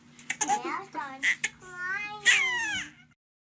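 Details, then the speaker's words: Infant overwhelmed by her older sister playing peek-a-boo, her cues not understood: fussing whimpers building into a rising wail; crying from overstimulation, a normal cue that the baby needs a break from interaction. "but all this attention is overwhelming for the baby and her sister doesn't understand her cues"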